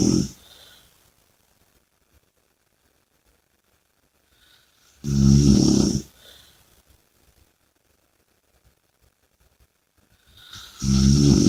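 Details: Heavy snoring: deep, loud, rumbling snores every five to six seconds with a softer breath between them, at about 11 breaths a minute.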